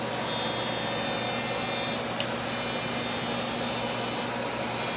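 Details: Continuous high hiss and whir with rapid faint pulsing: a Deep FX fractional CO2 laser treating a male patient's face under nerve blocks, going deep into the main acne-scarring areas for irregular texture.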